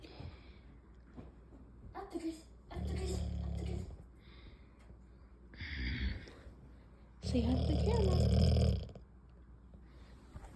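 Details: Several loud, low, vibrating snorts of varying length, the last one long and rumbling, with quiet room noise between them; heavy snoring.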